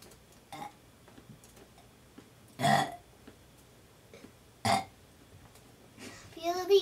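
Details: 6-year-old girl demonstrating how to burp: two loud voiced burps with a few faint softer sounds between and a brief voice at the end: burping.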